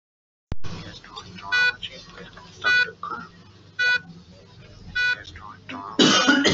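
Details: Hospital ward background with murmured voices and repeating tonal alarm beeps, ending in a sudden loud, harsh burst consistent with an adult cough, used in an AI cough-detection demo. Cough.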